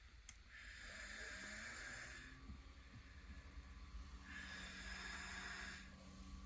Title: My BedMate Snorer #snore